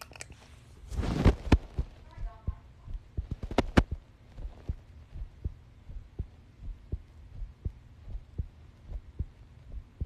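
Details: Heartbeat recorded by holding a phone against the chest: after a burst of handling noise, steady, regular low thumps at roughly 80 beats a minute.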